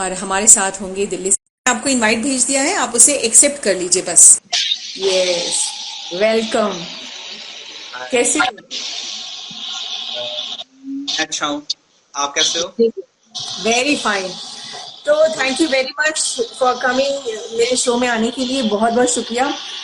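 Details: Adult speakers in conversation; normal speech.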